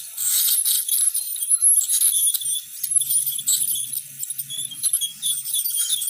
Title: Fastest Tartar Removal From Teeth | Teeth Whitening At Dentist|Dental Scaling|Dental scaling kya hai